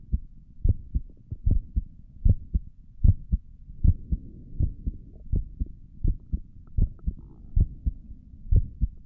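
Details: Own heartbeat recorded through a stethoscope on the chest for ASMR: steady paired low thumps at about 76 beats a minute with quiet background hum, and stomach gurgles also occur in the recording; a normal heartbeat.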